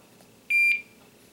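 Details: Single short high electronic beep from a portable infusion pump when run is pressed to start a saline infusion through a PICC line for POTS; normal device prompt.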